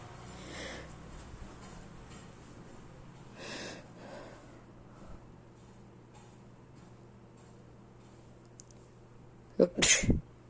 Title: sneezing.